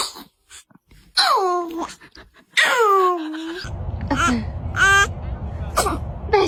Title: Baby sneezes #trendingshorts #tiktok #shortsfeed